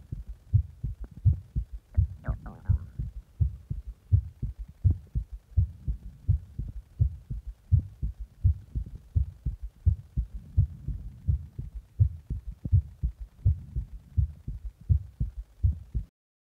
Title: My heartbeat after press my heart